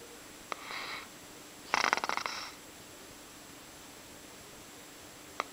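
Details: Snoring in the dark, recorded 8 days before he was put to rest: a soft airy breath followed by a fluttering, rattling snore on inhalation in a quiet room.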